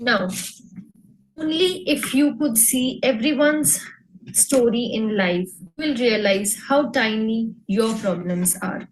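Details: Adult woman; plain speech.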